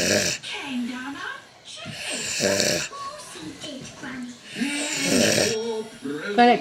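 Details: Adult man (husband) asleep, loud rough snoring, with talk audible in the room.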